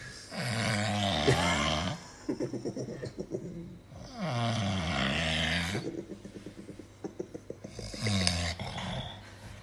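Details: Man passed out asleep, snoring; loud rattling snores on each breath in with a gurgling, fluttering breath out, about 16 breaths a minute, with faint background talk.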